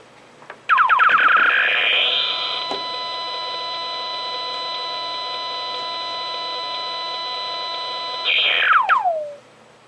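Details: Crystal Probe SG04 surgical gamma probe for sentinel lymph node detection, tested on an 8-month-old cobalt source: rapid rising chirps merge into a steady high tone, then fall away.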